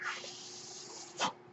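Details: Steady airy hiss ending in a brief louder puff as the speaker's own mechanical ventilator delivers a breath.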